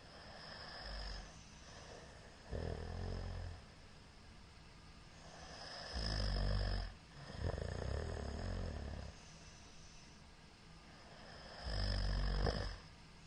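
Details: Middle-aged man's snoring recorded during sleep on 21 March 2022, a short session: loud, low, rattling snores in repeated bursts roughly every three seconds, each lasting about a second, over steady room hiss; heavy snoring.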